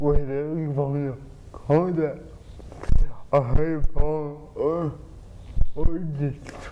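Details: Dysarthria from cerebral palsy in an adult man with spasticity treated by an implanted pump injecting medicine into the spine; another speaker repeats his words.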